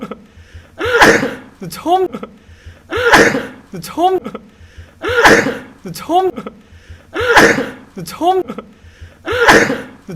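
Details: One-minute looped compilation of a singer sneezing: sharp voiced bursts, each after a quick breath in, about ten over ten seconds in a regular pattern.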